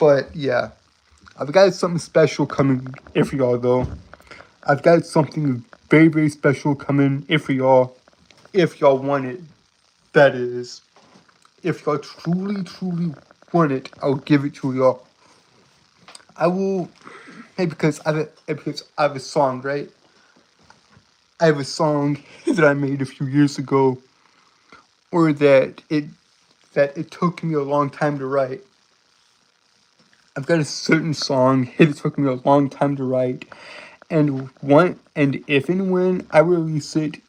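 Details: Self-reported speech impediment he says he cannot help, in a streamer; speech impediment (stutter-like disfluency).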